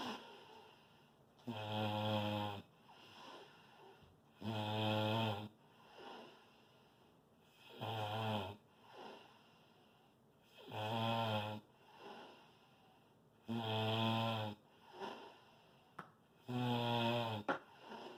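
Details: Loud, rumbling snores on each inhalation, about 20 per minute, with quiet exhalations between; snoring.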